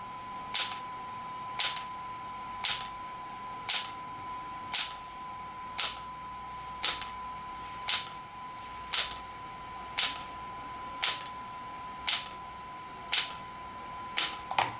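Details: An extracorporeal shock wave therapy (ESWT) device used for muscle and bone pain relief, being applied to a patient: sharp, regular clicks about once a second over a steady faint tone.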